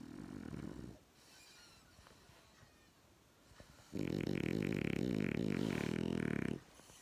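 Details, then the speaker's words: Loud, rough, fluttering snore on inhalation after a quieter breath, from a sleeping dog that snores louder than its owner; snoring. "She fucking snores louder than me. She snores louder than me."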